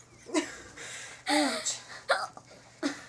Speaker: I'm still have them they hurt a lot